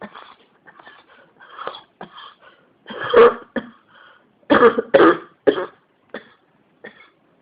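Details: Persistent cough that won't stop: about six loud coughs in close succession, with throat clearing.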